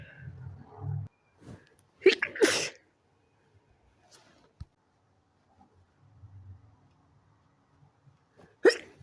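Two close explosive sneezes, then a quiet gap and a third sneeze, with faint low breathing and room noise between.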